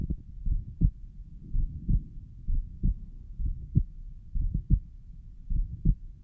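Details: Self-recorded own heart, suspected systolic murmur at pulmonic valve: regular low heart sounds about 60/min with a faint rough noise between them, possibly a mid-systolic murmur.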